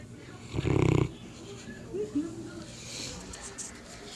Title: Newfoundland snores like a freight train